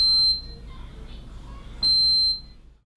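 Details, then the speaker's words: Two loud, high, steady electronic beeps with a quiet gap between them: the completion alarm of an Infinity enteral feeding pump signalling that the feed has finished. "Encienda la bomba para comenzar la alimentación. La bomba pita cuando acaba la alimentación."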